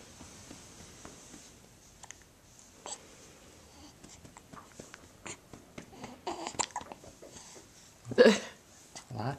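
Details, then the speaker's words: Infant hiccups just after a diaper change and feeding: short, abrupt catches in the breath amid soft babbling and fussing in a quiet room. "what's going on he's got hiccups he just got a change and he just got fed he's got clean he's got hiccups poor"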